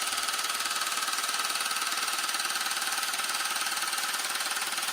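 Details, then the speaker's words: Loud, fast, regular mechanical tapping at about 160 pulses a minute from a handheld low-intensity shockwave device applied to a man's penis for erectile dysfunction; he reports no pain; shockwave therapy device in operation. "All you guys can do is just hear how loud it is. But no pain at all."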